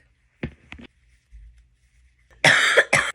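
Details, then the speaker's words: Two short, softer coughs then two loud, harsh, forceful coughing bursts from an adult who is sick, with cold sweats, while crocheting; cough. "I literally have a cold sweat right now. Maybe it's cuz I'm sick."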